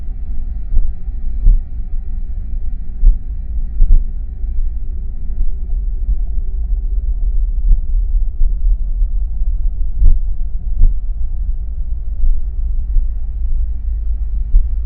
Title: Heartbeat sound Bruit battement de coeur Suono battito cardiaco 1